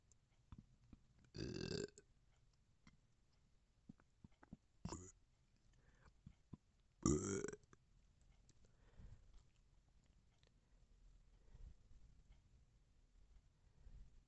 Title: bloated burping #belching #gassy #burp